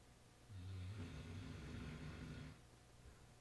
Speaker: He wakes up out of his snoring position.